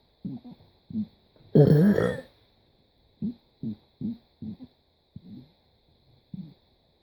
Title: Me burping for 1+ minutes